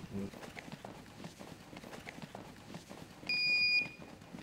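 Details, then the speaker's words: Quiet talk, then a clear electronic beep as an automated external defibrillator is switched on before its spoken voice-prompt instructions begin, in a demonstration of AED use with continuous chest compression CPR. "Using the AED is fail-proof. Just turn it on and follow the instructions. The voice prompts will walk you through each step."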